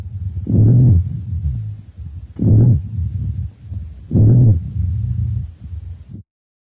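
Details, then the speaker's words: Lung auscultation: low, musical snoring sounds recurring with each breath, mostly on expiration; rhonchi (low-pitched wheezes). "Low-pitched wheezes are musical snoring sounds, mostly on expiration."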